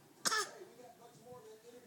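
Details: Baby girl fakes a cough for sympathy: a single short, sharp, deliberate cough, followed by quiet.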